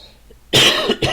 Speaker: I'm sorry if I cough in your ear or if I sound a little, I'm actually getting over a cold.